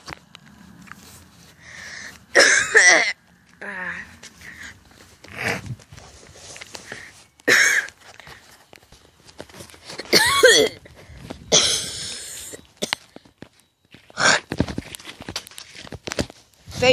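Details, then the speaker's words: Person outdoors doing deliberate, imitated coughing and saying they are perfectly fine: several loud, harsh forced coughs separated by pauses, with outdoor background noise. "no worries guys I'm still coughing I gotta come and ask me if I'm okay yeah I'm actually really I'm perfectly fine but yeah coughing"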